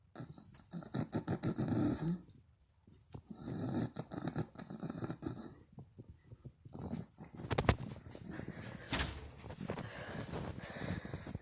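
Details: Adult woman (mother) snoring loudly in sleep: rough, rattling breaths in bursts with pauses between them, with some room noise.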